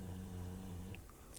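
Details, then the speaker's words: Snoring from a pet dog in the background on a rainy day. "about our snoring dog in the background, if you can hear him."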